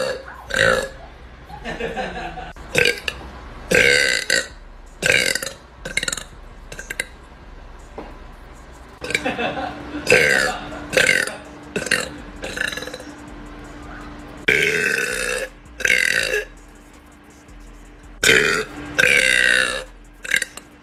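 A long run of loud, deep belches, more than a dozen, with short pauses and a little talk between them; repeated burping.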